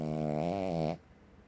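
A single loud, buzzing, vibrating breath-in lasting about a second, then quiet; snoring in a small dog.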